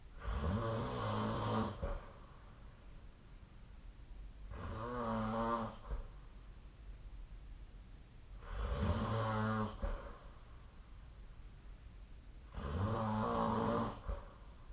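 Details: Four loud, rattling snores, each followed by a quiet pause, about 15 breaths a minute, recorded during sleep with the SnoreLab app; snoring.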